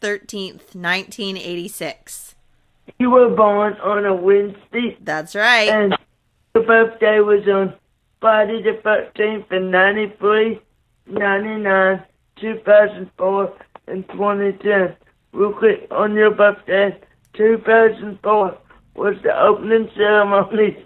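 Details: Dysarthria from cerebral palsy in a 27-year-old man born three months premature after a car crash, with a neonatal brain bleed and stroke, right-sided paralysis, blindness and seizures.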